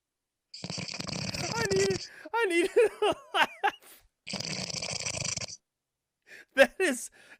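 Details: Sleeping person snoring: two loud, rough snoring breaths, each over a second long, with whispered talk and stifled laughter from others between them; ordinary snoring.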